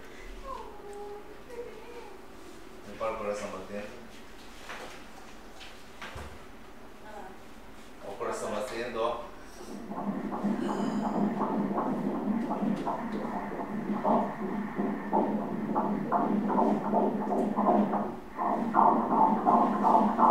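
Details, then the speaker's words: Fetus at 13 weeks 3 days, heard during an obstetric ultrasound: fast, regular whooshing heartbeat at 169 beats per minute, described as very good: normal fetal heartbeat. "ضربان قلب ... سی؟ ضربان قلب در آن لحظه ... صد و - 1 6 9. 169 ضربه در دقیقه است. خیلی خوبه خیلی خوبه"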